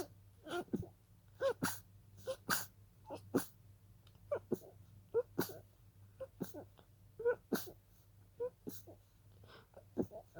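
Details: Rapid run of soft, breathy, stifled sneezes with sharp intakes of breath between; a sneezing fit that started as a pollen allergy.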